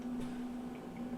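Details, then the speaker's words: Steady high-pitched whistle from a plugged humidifier bottle (2–12 L, 6 psi pressure relief) on a home oxygen concentrator, its outlet blocked to test: the pressure-relief valve venting shows pressure has built up. "squeal that means we got pressure will tell you that like to do generally is turn it up higher why I'm testing plug it off watch the pressure gauge drop and then you should hear the whistle or some back pressure"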